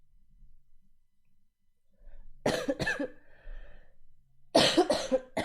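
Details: Two bursts of coughing, each of two or three quick coughs, after a quiet stretch with faint background sound, from a livestreamer who is sick with a sore throat.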